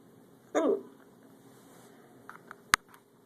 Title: Hotel hiccups part 1 of 4 hiccupclips with hiccups